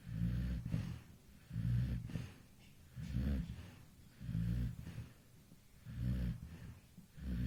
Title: MY snoring baby at 2 A.M sleeping relaxly with PP